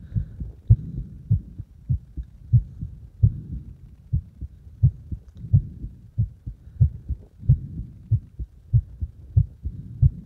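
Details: A heartbeat while the person deliberately made the heart speed up and slow down: repeated low thumps at a fairly quick pace, with no clear speeding up or slowing down heard in this stretch.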